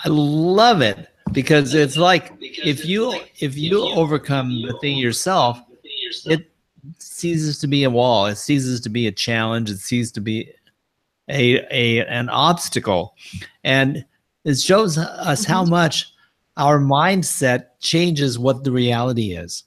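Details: Adult speaker; no speech disorder.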